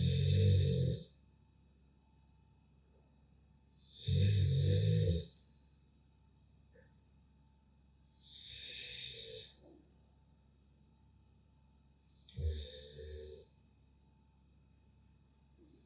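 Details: Golden Retriever dog snoring: four loud, low rumbling snores, about 15 a minute, with quiet pauses between.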